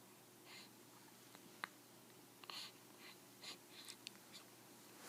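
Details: Newborn baby boy, 6 days old, with hiccups: small sharp catches with soft breathing and snuffles in a quiet room.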